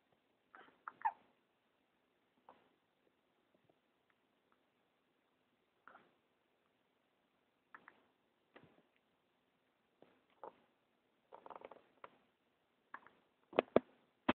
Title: hiccups.3GP